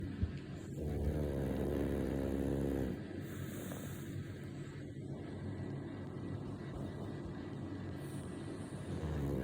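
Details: Pug snoring while sleeping in bed: low rumbling snore on a long breath, then quieter noisy breathing with steady background hum; snoring.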